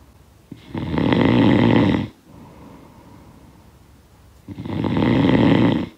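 Two loud, rough, rattling snores on breathing in, with quieter breathing out between them; typical snoring.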